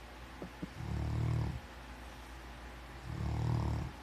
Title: My Dog Snores.